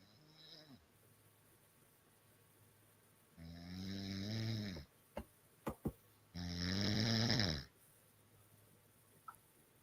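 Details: Woman snoring: two long, loud, rumbling inspiratory snores with a deep vibrating tone, separated by brief snorting clicks and quiet gaps.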